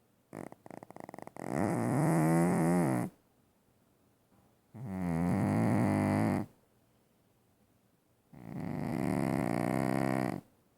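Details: Very loud snoring: loud, rough, rattling snores on each breath in, about 17 a minute, with quiet pauses between.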